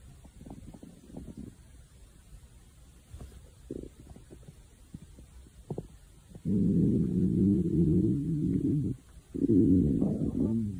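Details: Hungry stomach growling (borborygmi).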